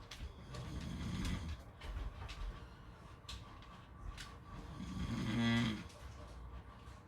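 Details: Two low, buzzing snores on breaths in over faint room noise, recorded with beach sounds; snoring.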